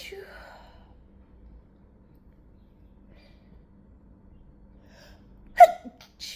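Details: A stifled sneeze, held back through a closed mouth and nose, before a sneezing fit: a brief, muffled burst with a sharp catch after a quiet stretch.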